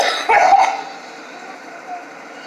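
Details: Adult coughing while vaping and drinking an energy drink: one brief, harsh cough burst trailing off into quiet room noise.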